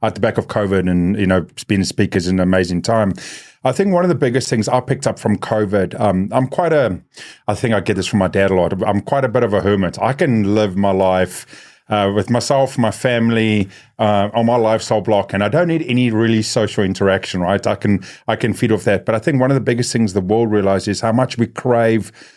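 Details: Adult man speaking; ordinary speech.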